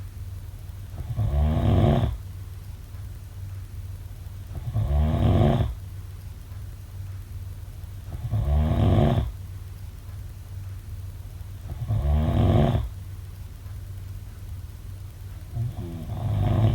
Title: Snoring sounds